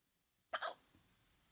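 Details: A single sharp, abrupt gulping hiccup in a quiet room from a person recording their own hiccups.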